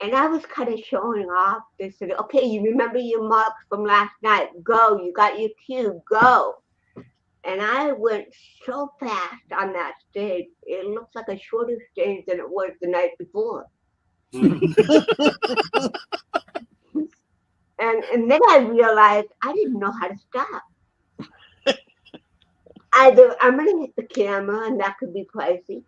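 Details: Dysarthria in a woman with cerebral palsy present since birth in 1956, who also has 75% hearing loss and wears hearing aids; real, not acted, conversational speech.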